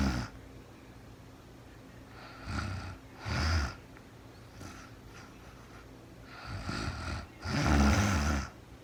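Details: Woman snoring during real-time overnight sleep, recorded as sleep-aid white noise; several low, rough inspiratory snores within a few seconds, with quiet breathing between them; ordinary sleep snoring.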